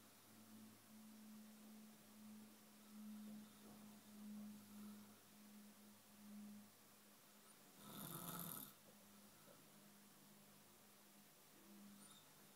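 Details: Soft, steady low snoring with a droning tone through each breath, plus one brief louder noise burst, from a bed partner sleeping; ordinary snoring.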